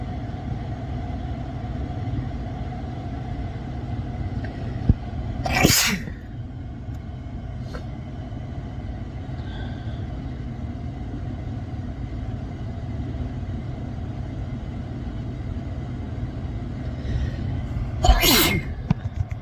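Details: Induced sneezes, apparently recorded inside a car: two sharp, forceful sneezes over steady engine rumble; ordinary sneezes.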